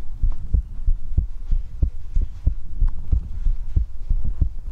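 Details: Steady low thumping heartbeat, about 94 beats a minute, with a soft hum behind it; an ordinary, normal heartbeat in an ASMR recording.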